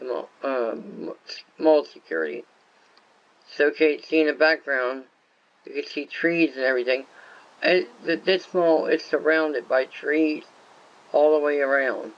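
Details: Adult male whose viral meningitis with very high fever at about six weeks old affected walking, talking, eyesight and hearing; lifelong speech impairment (dysarthria-like) after infant meningitis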